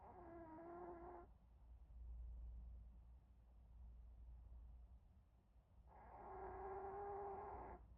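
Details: Pomeranian dog napping, giving two drawn-out, tonal snoring breaths separated by a quiet exhale; snoring during sleep.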